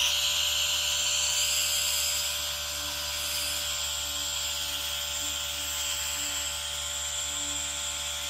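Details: Steady mechanical hum with a fine constant misting hiss and faint rhythmic whir: a nebulizer running alongside a humidifier, recorded as relaxation ASMR sound.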